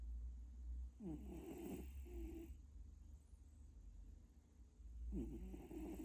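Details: Two slow, rattling, heavy, coarse snores about four seconds apart from a sleeping cat, described as fairly severe snoring, over a low steady hum; snoring.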